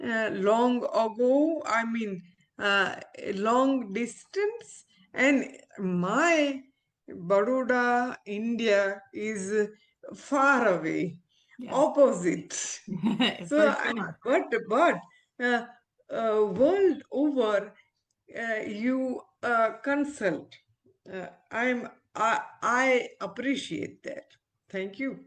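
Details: Aphasia after stroke in an adult woman, an ophthalmologist, who had the stroke after delivering twins seven years ago; recovering speech with speech-language pathologists, communication still hinders her.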